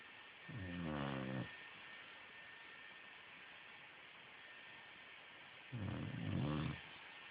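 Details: Boxer dog snoring in sleep: two rumbling, rattling snores about five seconds apart over quiet room hiss; snoring.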